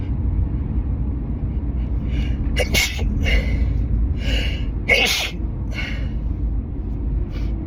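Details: Allergic sneezing fit from a strong synthetic car air freshener after pollen and wedding flowers, in a moving car: five or six quick sneezes, some muffled, each with a sharp intake of breath, over road rumble.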